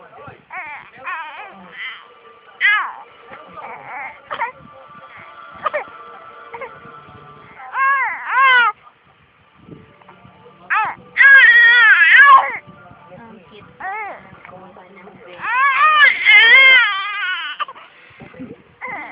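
Bursts of high-pitched infant crying and whimpers with pauses, some short sobs between; an ordinary baby cry, with light background noise.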